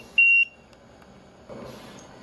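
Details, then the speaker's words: A single short high-pitched electronic beep from an LTV-1200 mechanical ventilator: the low pressure alarm, signaling a circuit leak or a disconnection from the advanced airway. "low pressure this limit is set to alert you when there's a loss of pressure in the circuit basically the air is not staying in the circuit because there's a leak somewhere maybe the circuit has become disconnected from the advanced Airway"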